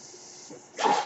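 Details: Podcaster's own ventilator during speech recording: low steady hiss, then a brief louder whoosh of pushed air as a breath is delivered; mechanical ventilator noise.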